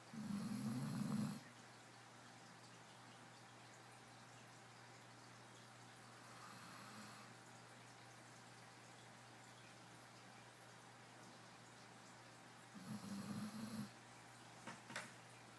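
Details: Sleeping pet dog, described as a mild episode, two loud rattling snores a long pause apart with a fainter breath between: snoring.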